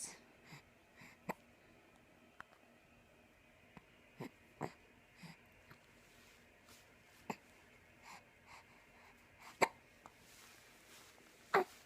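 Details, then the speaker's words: Girl with big hiccups: brief, sharp, soft catches recurring irregularly, about 30 a minute, over faint room noise. "Those are some big hiccups, aren't they? Some big girl hiccups."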